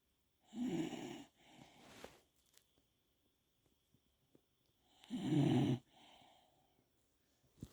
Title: A cute dog sleeping soundly with gentle snoring. It's a dog's life 🐕